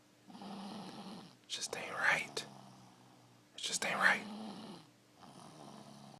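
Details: Sleeper on a couch snoring: noisy sleep breathing with two loud, rough, snorting snores separated by softer breathing sounds.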